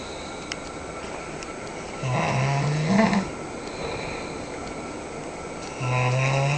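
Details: Sleeping man snoring very loudly, possibly dreaming: two loud, low, vibrating snores about four seconds apart, with quiet room noise between them.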